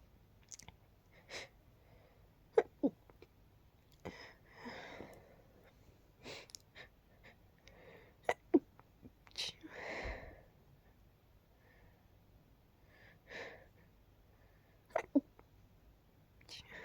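Several soft, muffled bursts with brief breathy catches in a quiet room, fitting stifled sneezes held back to stay quiet.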